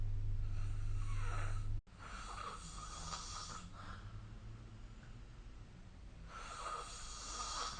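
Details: Low, rough snoring breaths over a steady hum during sleep, recorded with the SnoreLab phone app, with a brief cut in the recording; snoring.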